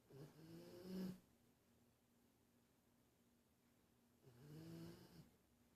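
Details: Two low, rattling snores on breathing in, separated by a quiet pause; ordinary snoring.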